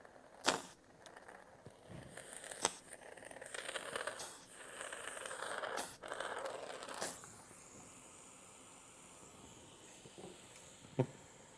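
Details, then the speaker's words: Open-system tracheostomy suctioning in a nursing skills demonstration on a subacute-care resident in semi-Fowler's position. Rough hissing and sucking as the catheter is withdrawn and rotated, with suction under 15 seconds, plus sharp handling clicks. "apply suction for no longer than 15 seconds repeat suctioning as needed"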